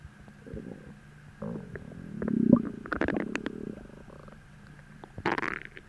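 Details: Stomach growling from hunger about twenty minutes after a deep, empty feeling, following a heavy, bloating dinner the night before: low gurgling rumbles and squeaks from the belly; normal gut movement.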